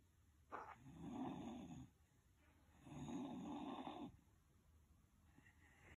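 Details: 12-year-old West Highland White Terrier asleep and dreaming in a quiet room: soft, rumbling snores on each breath, roughly two seconds apart; snoring in sleep.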